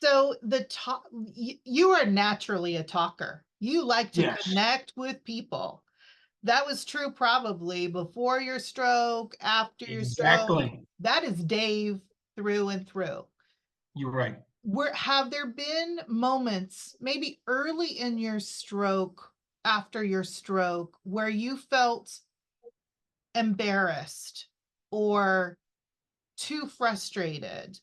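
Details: Adult woman, interviewer; typical speech.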